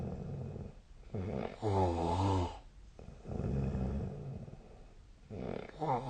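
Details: Snoring during sleep, recorded with a snore-tracking app (SnoreLab): rough, rattling low breaths in bursts with quiet gaps, some with a throaty buzzing tone.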